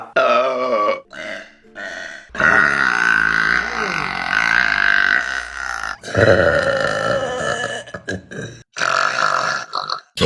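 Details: A compilation of deliberate burping from August 2022: several long, loud, voiced belches in a row, some stretched over seconds with a rumbling tone.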